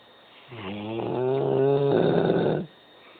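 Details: Black Labrador dog snoring loudly while asleep, loud enough to wake people: one long, deep, rumbling, voiced snore lasting about two seconds.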